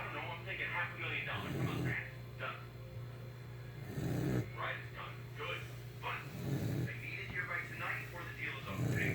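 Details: Saint Bernard dog snoring.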